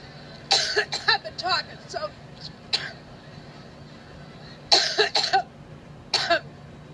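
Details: Repeated coughing by a woman during a Labor Day outdoor speech at Luke Easter Park, Cleveland, Ohio; more than five minutes of coughing, which she jokingly blamed on being "allergic to Trump."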